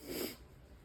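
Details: Single short, harsh honking cough burst from a dog, apparently a Labrador, with kennel cough.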